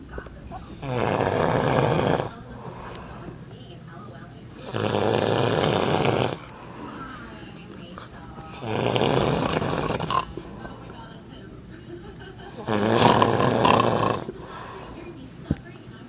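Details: A father snoring very loudly during the night: four loud, harsh rattling snores on in-breaths about every four seconds, roughly 15 a minute, with quiet out-breaths between.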